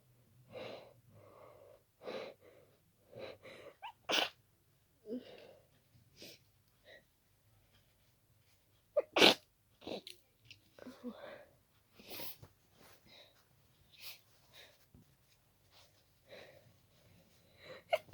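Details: Bout of repeated explosive sneezes, short breaths between, coming faster and faster after an hour of itchy nose and occasional sneezes, until the nose became really stuffy; a sneezing attack of unknown cause.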